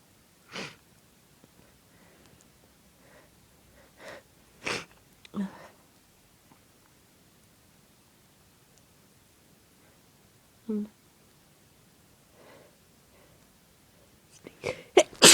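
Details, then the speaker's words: Woman with a bad cold for about three days, plus sore throat, fever and a badly running nose: several strong, explosive sneezes with sniffing and a short nose blow at the end. "Sneeze. They're really strong. And my nose is running really bad."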